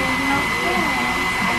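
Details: Dental air dryer at an orthodontist during a child's braces fitting: steady airy hiss with a thin high tone as the teeth are blown dry before quick-setting cement is light-cured.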